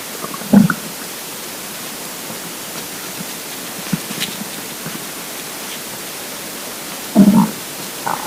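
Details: Two brief, low gurgling rumbles from a hungry, empty stomach, separated by steady background hiss: borborygmi.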